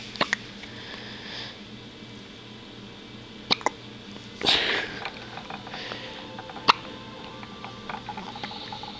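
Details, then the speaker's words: Baby girl's hiccups, recorded by her father: brief sharp hiccup clicks at irregular intervals, one louder breathy burst midway, over steady background hum. "Got the hiccups. You're so cute, baby."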